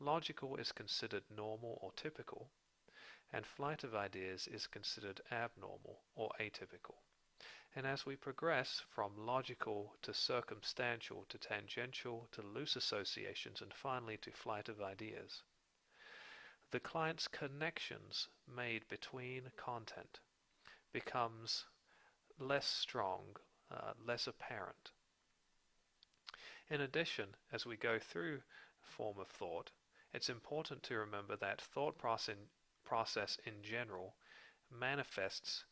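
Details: Adult narrator; typical speech.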